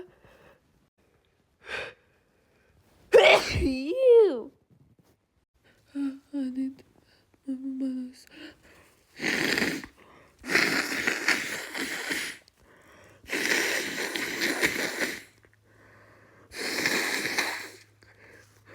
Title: Rapid uncontrollable sneezes (f)